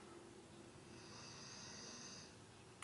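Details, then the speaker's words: Snoring from a sleeping dog: a faint, hissing nasal snore rises and fades once over steady low room noise. "we're just doing a simple natural my dog snoring can you hear him snoring"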